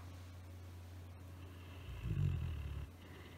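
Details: Elderly female Great Dane, nearly 13 years old and weighing 130 lb, snoring while asleep on a dog bed in front of the fireplace: a single low, rumbling breath over a steady low hum.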